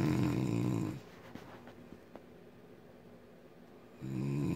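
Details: Loud, low rumbling snores on breathing in from an adult woman (wife) asleep, with quiet gaps of about three seconds between them; snoring.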